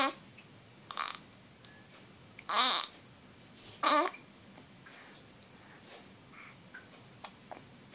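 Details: Two-week-old baby girl with hiccups: two abrupt, short bursts about a second apart plus fainter small catches in a quiet room; newborn hiccups.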